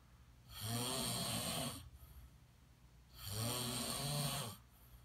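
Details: Snoring.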